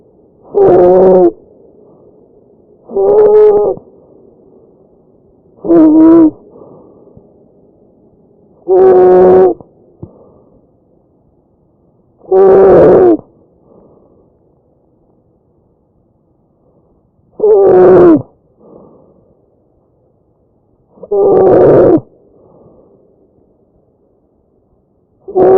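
Loud, harsh, musical high-pitched noise with each breath over the trachea: tracheal stridor from a narrowed upper airway.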